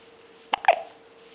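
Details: Hiccup in a one-month-old infant: a quick, sharp hiccup with a catching sound, against a faint background hum.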